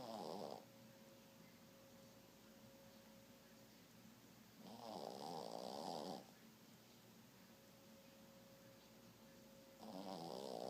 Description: Caught me Shih Tzu snoring next to me by the couch.